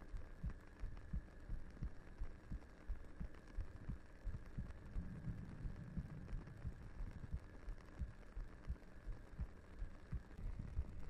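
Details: Heartbeat sound in a roleplay ASMR audio recording, speaker's head resting on the listener's lap: soft, regular low thumps at about 85 a minute over a quiet hum, a steady heartbeat.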